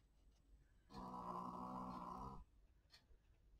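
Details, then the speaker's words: A sleeping dog's snoring: a single loud, rumbling snore lasting about a second and a half, in a quiet room. "oui on l'entend bien ronfler mon chien en tout cas ça fait plaisir"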